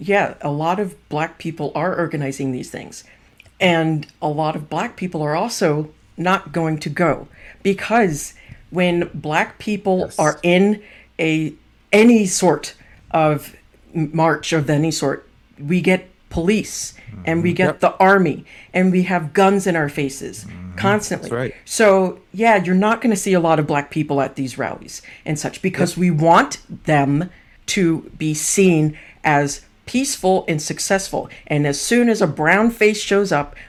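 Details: Adult speaker; typical speech.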